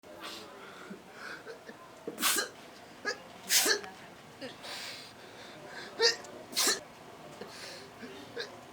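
Several sharp, explosive bursts with short breaths in between, fitting a run of about four sneezes.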